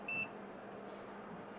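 A single short, high electronic beep from an ultrasound therapy machine as its output setting is lowered, then quiet room noise.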